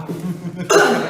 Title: MONT cough/throat clear